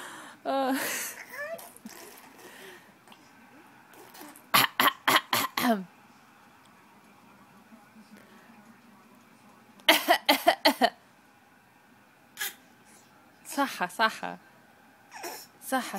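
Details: A young child deliberately fake coughing in short, staccato bursts, imitated rather than from illness; the child had been spitting and was asked whether her throat hurt.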